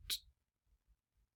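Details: Demonstrated articulatory block in stuttering on the word 'talking': tongue stuck at the roof of the mouth with no sound or airflow, usually with a simultaneous laryngeal block.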